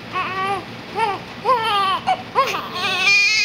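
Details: Crying infant, described as possibly hungry, in a small room: repeated rising-and-falling wails; an ordinary infant cry.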